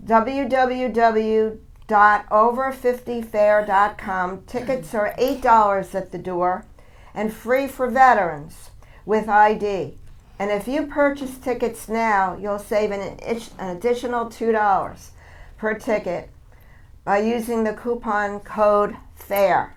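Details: Adult woman speaking; typical speech.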